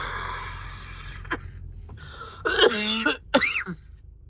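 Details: An adult vlogger with a cough and possible allergy gives two or three harsh, throaty coughs with a voiced, groaning quality over background noise; a wet-sounding cough.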